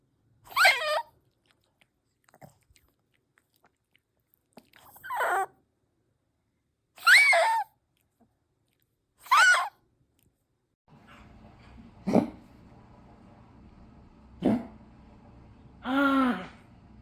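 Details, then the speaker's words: Two dogs during a tracheal collapse episode give harsh, honking cough bursts, the typical goose-honk cough of tracheal collapse. "The cough associated with tracheal collapse tends to sound like a goose honking noise, but it does depend. And some of the dogs don't sound quite like that or it's described in different ways."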